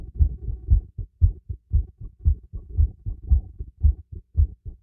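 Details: Normal heartbeat heard through a stethoscope during light exercise: clear, steady beat around 115 a minute with distinct paired thumps.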